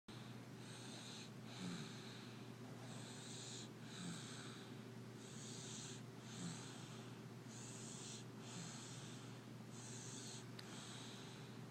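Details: Person fast asleep ("out cold") snoring: repeated hissing, snorting breaths about 25 a minute over a steady hum.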